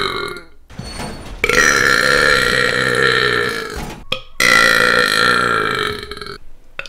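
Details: Gamer burping while gaming, about 29 burps in two minutes: two long, loud, rumbling belches separated by a brief pause; repeated burping.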